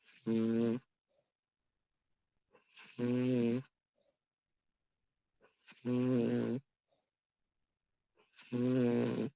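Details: Real recording of a sleeping woman snoring: regular buzzing, voiced snores on breathing in, four in about nine seconds (roughly 21 a minute), with silent pauses between.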